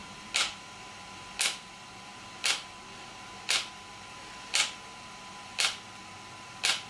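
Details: Sharp, snapping pulses at a steady pace of about one per second from an ESWT shock wave therapy device firing, demonstrated for muscle and bone pain relief.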